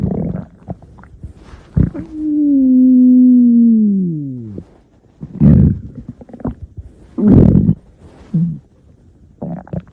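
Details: Stomach growling (borborygmi): a long, loud tonal growl falling in pitch, then several short gurgling rumbles.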